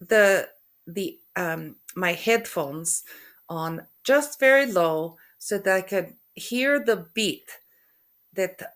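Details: Aphasia after a stroke in a woman who also has functional neurological disorder, with halting speech, hesitations between words, word-finding difficulty (anomia) and stuttering; finding: aphasia.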